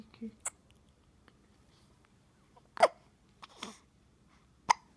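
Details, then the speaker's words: Infant boy, fussy earlier, now sitting quietly: several short, abrupt, irregularly spaced hiccup bursts in a quiet room; infant hiccups. "There was fussy earlier. Yeah. And then the hiccups came."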